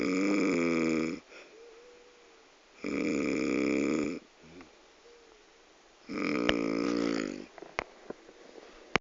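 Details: Extremely loud snoring: buzzing, vibrating snores about 20 a minute, with quieter breaths between and a few clicks in the background.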